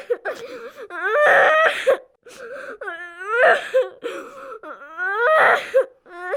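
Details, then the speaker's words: Loud, repeated wailing cries with sobbing breaths from a 5-year-old boy in a simulated severe head injury after a high-speed car crash: alert, right-sided head hematoma, heart rate 140, cervical spine immobilized. "he is alert and crying but has a hematoma on the right side of his head"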